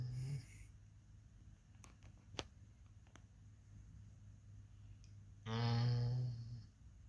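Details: Pit bull puppy sleeping gives two low, buzzy rattling snores about five seconds apart, with a quiet stretch and faint clicks between them.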